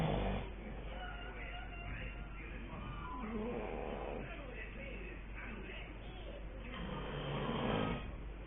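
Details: Sleeping dad snoring: rough, noisy snores swell and fade with slow breaths.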